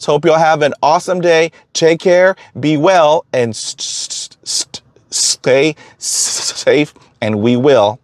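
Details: Stuttering with sound prolongations in an adult man who stutters.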